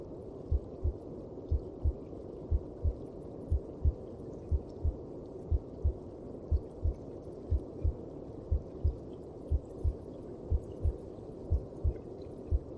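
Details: Heartbeat heard through the mother's belly: muffled, regular low double thumps at about 60 per minute over a steady low rumble.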